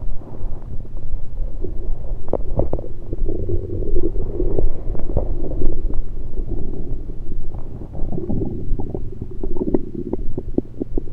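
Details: Self-recorded over own stomach with a USB electronic stethoscope, taking only liquids, not digesting food: continuous low rumbling with bubbling gurgles and brief pops; ordinary active bowel sounds (gurgles).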